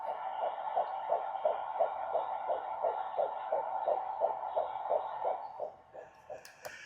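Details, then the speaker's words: Baby girl's heartbeat played back through a tinny speaker button: rapid, regular whooshing pulses near 170 a minute, a fetal heartbeat. "And then in here, you can actually hear her heartbeat."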